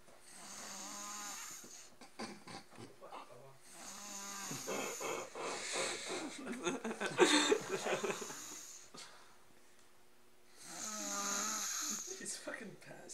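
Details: Heavy snoring from a man who has completely passed out: loud, buzzy, pitched snores on inhalation with noisy snorting breaths between them, in a quiet room.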